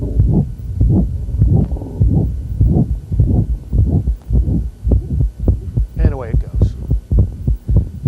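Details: Mitral regurgitation systolic murmur during the strain phase of Valsalva, fast regular heartbeats about 105/min, murmur comes on strongly with strain.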